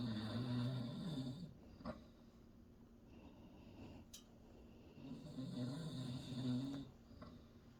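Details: A father snores while his baby boy explores nearby; snoring.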